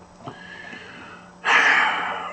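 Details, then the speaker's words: Wheezing from an adult man speaking: a faint whistling tone during quiet breathing, then a loud, noisy, rough breath carrying a whistle. "I understand you can hear me wheezing because I have to watch my videos in order for the algorithm to kick in for other people who subscribe to me to see that I've posted a new video"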